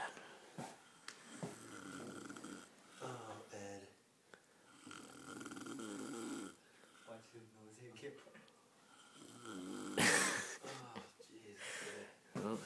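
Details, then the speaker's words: Man snoring loudly: loud, rattling snores with each in-breath, quieter breathing between them and brief room noise; snoring. "my intro intro you see right now you snore every night"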